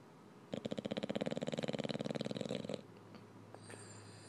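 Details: Eight-month-old English bulldog cuddling: a rapid, rattling, fluttering snore lasting about two seconds, then quiet room noise; dog snoring.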